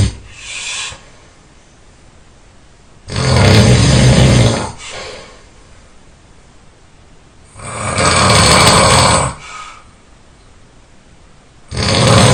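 Very loud, deep rattling snores, each followed by a softer out-breath, around 14 breaths a minute; heavy snoring.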